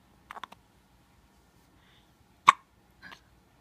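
Brief, sharp gulping sounds in a quiet room, one louder than the rest; hiccups.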